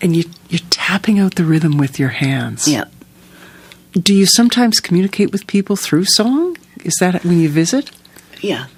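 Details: Adult woman speaking; typical speech.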